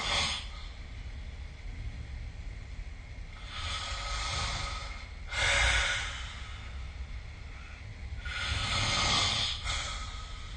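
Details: Sleeper snoring recorded with the SnoreLab smartphone app: slow, rough, rattling breaths roughly one every two to three seconds.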